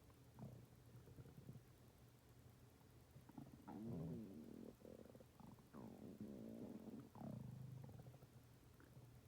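Low gurgling and rumbling from the belly in irregular runs, typical bowel sounds of stomach growling.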